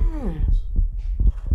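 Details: Soft low thumps of a simulated heartbeat heard through a stethoscope placed on a lifelike respiratory-therapy training mannequin, after a brief exclamation of voice; normal heart sounds, simulated.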